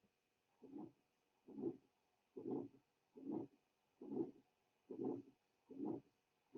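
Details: Aortic stenosis murmur, played from a teaching heart-sound recording.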